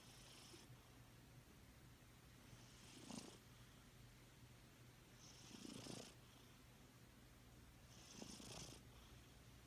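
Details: Sleeping female cat snoring softly and rhythmically, about 23 breaths a minute, over a continuous low purr.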